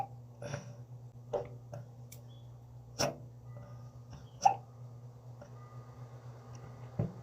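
Short sharp catches repeating every second or so against a quiet room hum, fitting hiccups in a cat.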